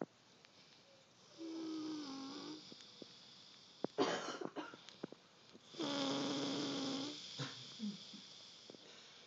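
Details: Zoey snoring in sleep: two drawn-out whistling snores on breathing in, separated by snorts and snuffles; nasal sleep snore.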